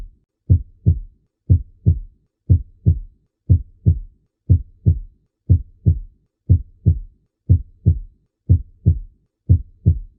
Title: 1) Ausculta Cardíaca